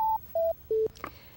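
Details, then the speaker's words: Medtronic LIFEPAK automated external defibrillator being switched off by holding the on/off button during a maintenance demonstration: three steady descending electronic tones, then a faint click, the shutdown tone. "hold down the onoff button to turn it off so you don't use up the"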